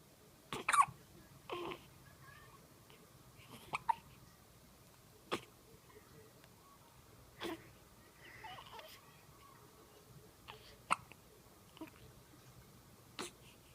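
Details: Persistent, never-ending hiccups: soft, sharp gulping hiccups every second or two, about nine across the stretch, in a quiet room.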